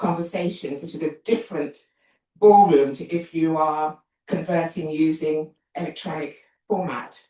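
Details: Adult woman, an actor and writer, with a self-reported stammer that she points out while speaking; stuttering.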